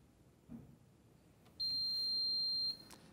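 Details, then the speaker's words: A click, then a loud steady high-pitched beep about a second long as a VOCSN V+Pro Emergency critical care ventilator is powered on; the inoperative alarm self-test, which is expected. "And as VOCSN turns on, you're going to hear a couple of loud beeps. That's okay. That's the in-op alarm testing itself."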